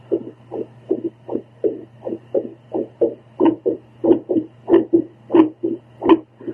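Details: A woman's own heartbeat recorded with a home heartbeat Doppler during paced breathing: rapid whooshing pulses, steady at first, then slowing slightly into a very irregular rhythm with uneven paired beats over a hum.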